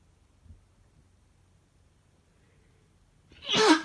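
Quiet room, then a single loud, forceful sneeze with a sharp explosive release at the end.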